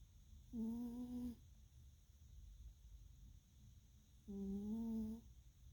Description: Kitty snores and ear twitching